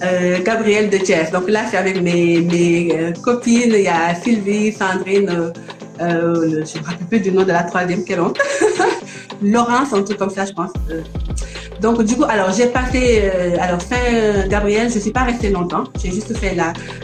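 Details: Adult woman from Senegal now living in France who has a stutter; stuttering.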